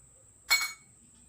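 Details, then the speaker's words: Tuning fork hearing test during a nursing head-to-toe physical examination: a brief struck metallic ring as the fork is placed behind the patient's ear; the ear is judged normal. "Dan saya juga akan membunyikan kartu Tarra ini dan menerapkannya di belakang telinga Mbah"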